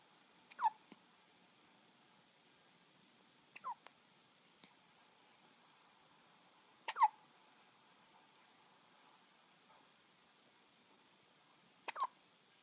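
Four sharp, brief hiccup sounds spaced a few seconds apart in a quiet room, a steady run of hiccups.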